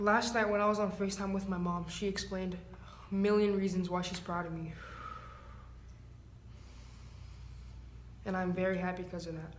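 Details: Fluent speech, including in nervous situations, in a male who stutters, after about six years of speech therapy and a five-day Del Ferro method fluency treatment course.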